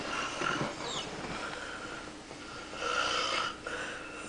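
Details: A sleeping father and baby both snoring: noisy, raspy, somewhat whistling breaths repeating on inhalation; snoring with a wheezy edge.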